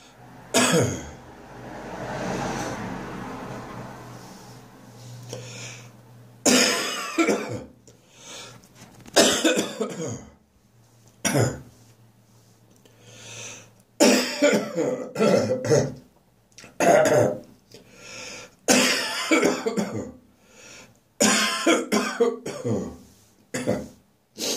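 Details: Adult's persistent harsh morning cough that refuses to go away: repeated forceful bursts, some followed by throat clearing, in a quiet room.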